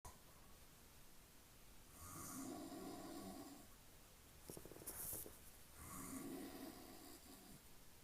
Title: My dad snoring